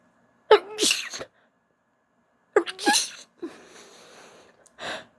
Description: It's a mix of stifled and un stifled sneezes